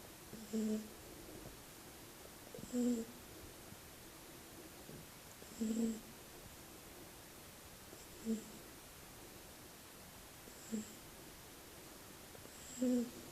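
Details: Soft short nasal snores from a sleeping Shar-pei puppy, about 24 a minute, in a quiet room.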